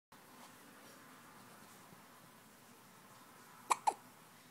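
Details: After quiet room noise, two sharp, quick hiccup sounds close together near the end, from a hiccup attack: hiccups.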